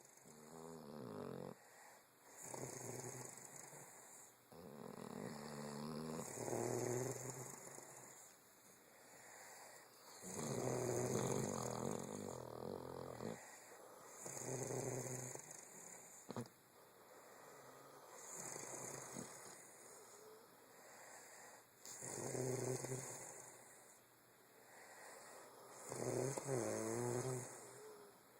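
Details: Rhythmic, rumbling snores with each breath, about 17 per minute, during weekend sleep in a quiet bedroom.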